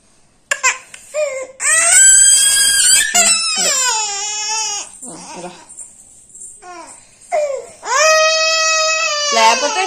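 Loud, high-pitched wailing cry in long bursts with gasping pauses between them; an infant crying.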